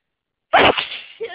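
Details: A single sharp, explosive sneeze after silence, then a brief fading exhale, from hay fever that has been going on like this for the last few days.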